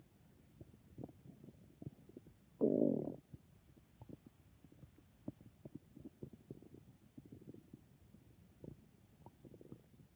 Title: I think my stomach is being very noises